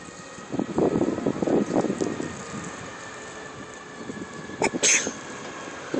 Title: Cut Kid Sneeze